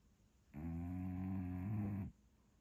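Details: Sleeping English Bulldog; a single long, low, rumbling snore lasting about 1.5 seconds with a steady buzzing tone; snoring.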